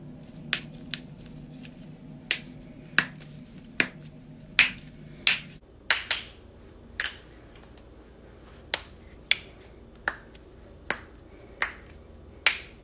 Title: cracking knuckles #shorts